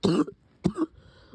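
Two short coughs from an adult, the first longer and harsher; a cough in COVID-19 infection.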